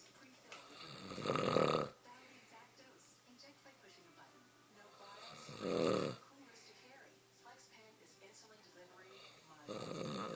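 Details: Loud, rattling snores from an adult man during sleep, repeating about every four seconds, roughly 14 a minute, with quiet exhalations between: habitual snoring.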